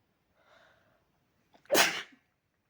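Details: Person with a sore throat and cold: a soft intake of breath, then one loud, explosive, violent sneeze.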